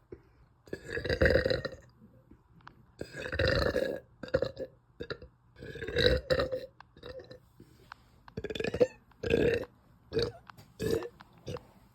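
A run of about ten loud, drawn-out burps in quick succession, some long and rumbling, others short.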